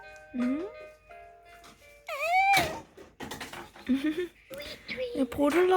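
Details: An infant gives a single short sneeze amid soft cooing, with gentle music and adult voices nearby.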